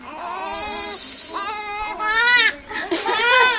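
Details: Twin infants crying: repeated high-pitched wailing cries in short bursts with brief breaths between; typical infant cry.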